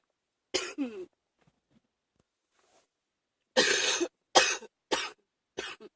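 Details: An adult with a common cold coughs about six times in two bouts: a brief double cough, then a longer run.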